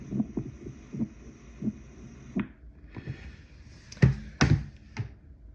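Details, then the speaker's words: Atrial fibrillation as heard through a stethoscope on a patient: irregular, uneven heartbeats at varying intervals with changing loudness, an irregularly irregular rhythm. "So that, if you can hear it, it has an extra, you can hear the fibrillation, you can hear the inconsistency. So that's what it sounds like."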